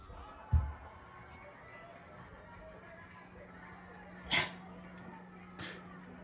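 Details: A red female Akita dog, aged 2 years 11 months, gives two short, sharp, dry hacking bursts in a quiet room with a faint steady hum: a dry cough that scares her sister.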